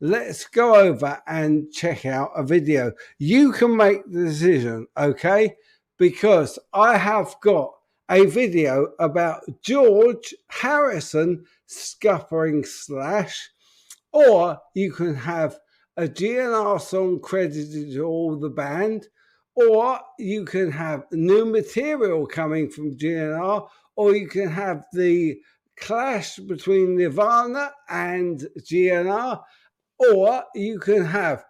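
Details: Adult man with an upper motor neuron disorder affecting speech, getting more evident and harder to speak; speech therapist's report led to repeat EMG testing; dysarthria (upper motor neuron).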